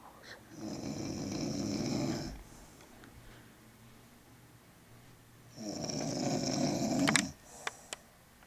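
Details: An aunt visiting for Thanksgiving snoring very loudly: harsh rattling snores on long inhalations, about twelve breaths a minute, with quiet pauses between; heavy snoring.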